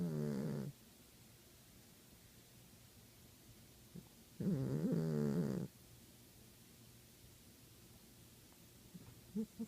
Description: Savannah Cat Twister Snores